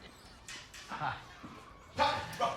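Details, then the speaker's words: Short, sharp bark-like vocal bursts from an adult character with Tourette syndrome, acted in a film scene about a teacher job-seeker; barking vocal tics. "so I decided it wasn't threats I just hadn't found the right school yet I'd keep barking and I wasn't quitting until I found that principal"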